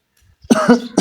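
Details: A single loud, harsh, throaty cough from an adult who says they are unwell with fever and cough.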